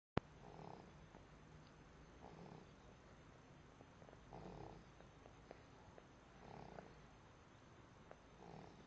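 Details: Four-month-old sleeping: soft, regular snores repeating about every two seconds, roughly 28 breaths per minute, over a steady low background hum; snoring.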